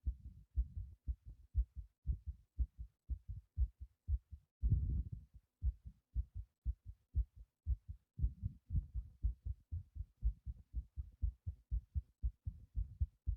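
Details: Heartbeat during repeated breath-holding; muffled, rapid, steady thumping at about 118 beats a minute with brief rubbing noise; after a long breath-hold, short skipped beats felt: fast heartbeat.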